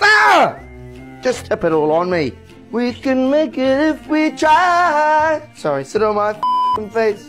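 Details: Involuntary words and phrases from an adult man with Tourette syndrome; Tourette syndrome vocal tics.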